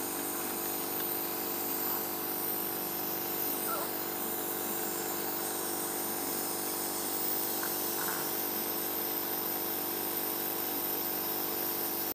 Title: Crosby nebulizer